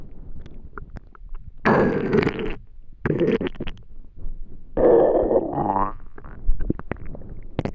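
Three loud gurgling, groaning rumbles from the stomach with quiet between them; ordinary hunger-related bowel sounds.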